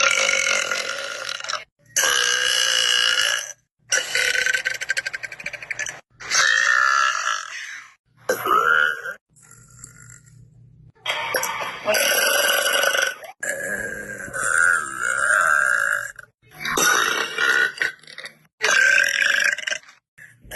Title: Girl burps